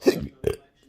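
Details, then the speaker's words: Two quick throaty belches in close succession, repeated spasmodic belching felt in the throat near the Adam's apple, in a patient with chronic intractable hiccups since 2015 plus breathing and choking spasms and erratic stomach sphincter control; recorded November 2020; moving worsens it. "so here I can at least breathe a little these burps. They're right here in my throat."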